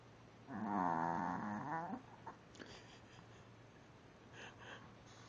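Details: Dog, half awake with a sleepy face, gives one long rattling snore-like breath of about 1.5 seconds, then quiet breathing; snoring while awake.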